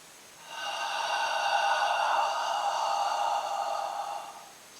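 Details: A respiratory physiotherapist demonstrating autogenic drainage for chest clearance: after sniffing in and holding for two to three, a long, steady, gentle sigh out of about four seconds, to move mucus up.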